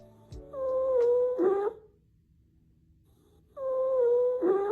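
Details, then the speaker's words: Stridor example from upper airway obstruction of the trachea: two loud, high-pitched, continuous musical breath sounds separated by a pause. "Strider has a similar sound to wheezing and is continuous but usually occurs due to a blockage of air flow in the trachea like an obstruction let's listen"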